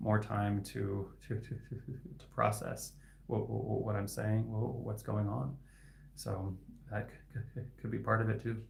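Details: Adult male speech-language pathologist who stutters; his stuttering is inconsistent, sometimes with words stuck for about 15 seconds; repetitions heard; stuttering.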